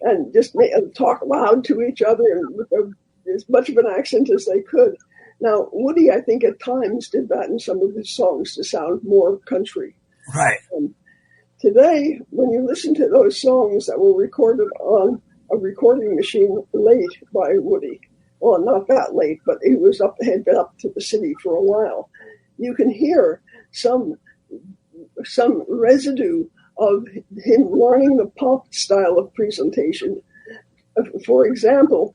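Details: Elderly former singer who recently lost a vocal cord, not caused by the polio they had in 1948; voice changed from their singing voice; dysphonia after vocal cord loss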